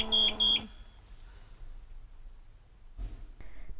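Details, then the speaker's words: Two quick high electronic beeps from a PneuPac ParaPac transport ventilator, then quiet; low pressure alarm, below 10 cmH2O, suggesting leak, insufficient tidal volume or settings, or faulty circuit valve. "low pressure means leakage or insufficient tidal volume or settings or a faulty valve in the patient's circuit this alarm tends to occur when pressure drops below 10 centimeters of h2o"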